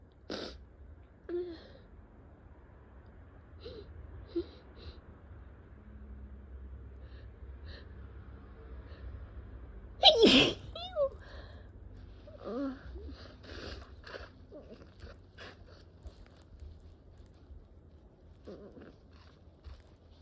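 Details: Several sneezes, one loud, among sniffs and quiet vocal sounds over a steady room hum; allergic sneezing from cat exposure, nose tickling, sore throat, eyes barely able to open.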